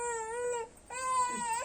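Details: Young child crying: two loud, clear, high-pitched wails separated by a brief catch of breath.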